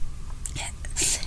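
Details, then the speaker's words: Person with ALS, sick with congestion and a sore throat, gives sudden crunchy coughs that come on after a minute without coughing. "And coughs like that when I barely don't cough for, a minute, and coughs like that just come up, which is fun."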